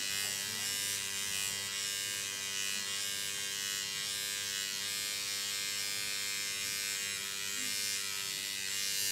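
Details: Microneedling pen with PRP on a client's face after compounded numbing cream, needles about twice the forehead depth: continuous high buzzing motor hum in a small room.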